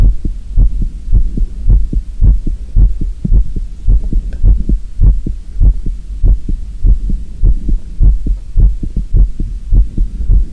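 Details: Loud, regular paired heart thumps, roughly 105 beats a minute, over a steady low hum, recorded as the uploader's own real heartbeat; somewhat fast but regular normal heartbeat.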